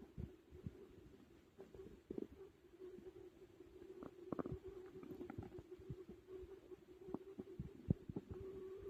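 Continuous low gurgling hum with irregular bubbling pops and squelches. Stomach growling from digestion, a normal finding after a large meal.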